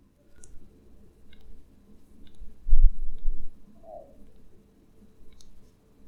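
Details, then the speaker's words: Left knee clicking (crepitus) for a couple of months on straightening from deep flexion, without bearing weight, while manipulating the kneecap: several sharp, distinct, irregularly spaced clicks with brief low movement rumble. "and here you can you can hear very distinct clicking even though I'm not bearing weight as such on that"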